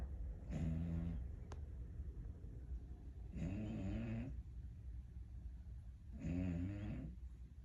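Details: Sleeping American Bully puppy snoring: loud, rattling snores, three long vibrating breaths in under eight seconds, about 23 a minute.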